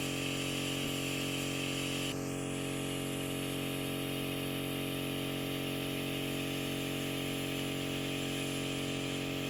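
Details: Ear microsuction in a bedbound woman in her 90s with completely blocked ears, oiled and softened by eardrops: steady suction hiss with hum, tone shifting sharply as a thin peeled wax layer is drawn into the tip.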